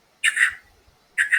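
A voice imitates a normal heartbeat: paired 'lub-dub' sounds, first and second heart sounds only, no extra sounds.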